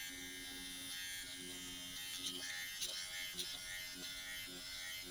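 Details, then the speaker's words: Dr. Pen electric microneedling pen on the neck at 0.5 mm depth, speed raised to the second level: quiet high-pitched motor buzz with faint tapping as it moves over skin; electric microneedling pen running. "I'm going to leave it at the 0.5 but I'm going to turn the speed up to the second revolution and see if I can handle that feels a little more intense but not by much I promise"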